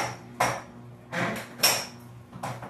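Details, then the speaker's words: Sharp metallic clanks and knocks as a handle is fitted and set into a flexion-distraction treatment table, used for lumbar disc injuries, sciatica and low back pain: handle inserted into treatment table. "So first I put my trusty handle into the table"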